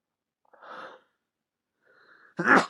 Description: Here is some sneezing over the past few weeks